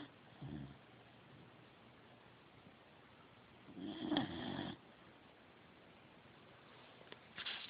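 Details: Snoring from a sleeping Corgi: quiet breathing broken by a few short, rattly snorting snores, one louder and about a second long.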